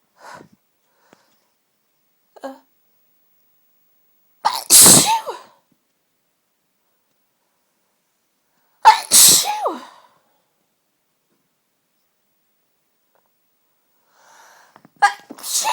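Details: Three forceful sneezes with sharp inhaled lead-ins, part of one fit of strong, tickly sneezes with a cold; sneezing.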